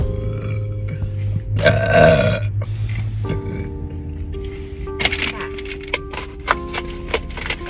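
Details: Burping while eating crunchy, spicy jalapeño snacks in a car: one loud, drawn-out, low rumbling belch over music.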